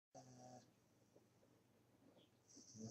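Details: Sleeping puppy, called a supersnorer: one short, soft snore, a faint hum-like sound during breathing.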